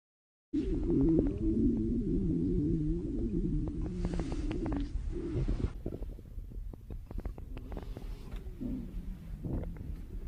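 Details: Long, low rumbling, gurgling wavering groan: a re-created imitation, not real, of a girlfriend's very loud, long hunger stomach growl while dieting.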